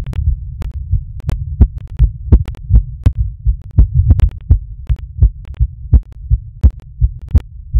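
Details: Heartbeat recorded during masturbation: low, steady heart thumps at about 80 beats a minute, with a low hum behind them.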